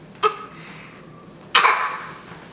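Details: Two short, forced coughs from a child pretending to cough because he wants a cough drop: feigned cough.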